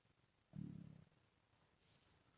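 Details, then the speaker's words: Brief low gurgling stomach rumble, about half a second, rising out of a quiet room while crafting, then fading; ordinary borborygmi, stomach rumbling. "oh I hope you didn't hear that that was my stomach rumbling"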